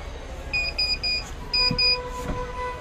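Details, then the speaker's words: Bio-Med TV-100 transport neonatal ventilator demonstration, ventilation started before the patient circuit was connected: repeated short, shrill electronic beeps in groups over room noise; ventilator alarm for disconnected circuit. "यह alarm दे रहे है क्योंकि हमने circuit connected नहीं है"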